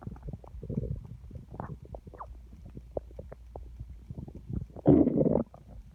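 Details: Loud stomach growling (borborygmi) from an empty stomach, felt rumbling against the hand: irregular gurgling and bubbling bowel sounds with a louder, longer rumbling growl near the end.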